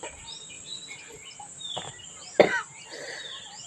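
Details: A single short, harsh cough from an older woman, with birds chirping softly in the background; cough.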